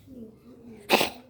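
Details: Siamese cat named Roma: a single short, harsh cough burst after a faint humming background; coughing again.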